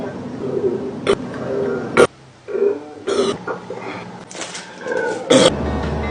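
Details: Male adult in a quiet room: low, drawn-out gurgling and croaking sounds with a few sharp clicks, stomach growling and burping; borborygmi and eructation.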